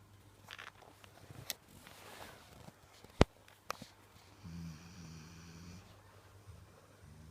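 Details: Sleeping dog snores like a human: one long, low, buzzy snore and the start of another, amid quiet room hum and faint clicks.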